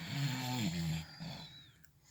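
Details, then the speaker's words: Nighttime snoring of a sleeping companion, recorded from inside a truck: one long rattling snore with wavering pitch, fading into quieter breathing; snoring. "probably be the third one chiming in with them snores and in a minute not a minute I finished my brews first"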